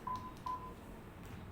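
Two brief electronic beeps in a quiet room, the tones of a defibrillator during a demonstration.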